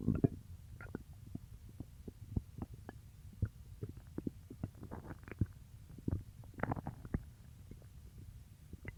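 Quiet gurgling, bubbling and rumbling noises in uneven bursts; stomach growling, ordinary bowel sounds of digestion.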